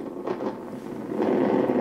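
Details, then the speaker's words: Needle EMG of an upper-limb muscle as the subject gently raises the arm, then fully: normal basic (simple) motor unit potentials with full recruitment, no sign of reinnervation, muscle fully innervated. "these motor units look perfectly normal uh they're what we call Mono or basic motor units that means they do not indicate reinnervation"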